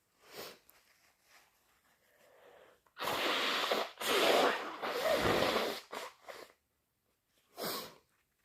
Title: Harsh, loud and wet induced sneezes plus thick sniffles and blows